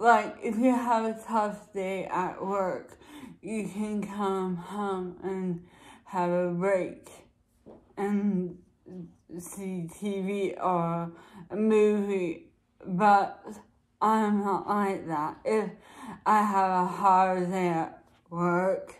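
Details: Woman with dysarthria, recorded late in the day when she says she is tired, documenting how energy and mood affect her speech; dysarthria.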